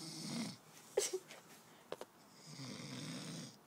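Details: Quiet snoring from a sleeping man: two soft, raspy snoring breaths separated by a pause with a few faint clicks.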